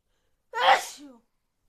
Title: Loud sneezes cold .